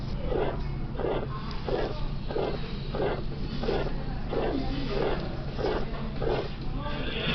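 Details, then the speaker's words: 80-year-old man with recurrent chest pain; diaphragm at the second right intercostal space. Harsh crescendo-decrescendo systolic murmur, about 87 beats a minute, from aortic stenosis. "An 80-year-old man presents with recurrent chest pain. This murmur is best heard with a diaphragm of the second right intercostal space."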